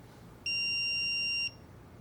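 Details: Single steady high-pitched electronic tone of about one second from an iPAD AED during a CPR training demonstration, after a shock was delivered, as it moves into CPR prompting at 30 compressions to 2 breaths.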